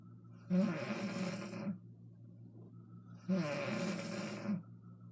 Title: My moms snoring